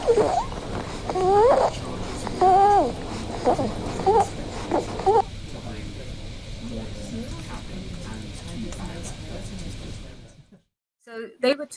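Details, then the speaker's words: Harsh, high-pitched noisy breathing from a young child: stridor from upper airway narrowing, played as a teaching example to distinguish it from wheeze. "the other was an example of stride or and the reason that was there is because i wanted to make sure that we can distinguish those two noises"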